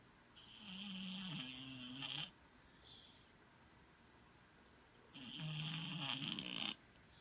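Two long, rough, rattling snores about three seconds apart with quiet pauses between, typical snoring during sleep.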